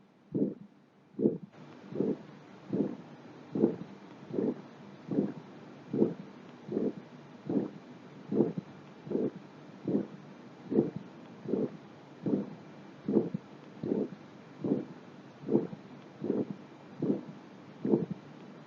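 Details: Heart murmur on cardiovascular examination auscultation: regular heartbeat about 72 a minute, each beat carrying a drawn-out whooshing sound.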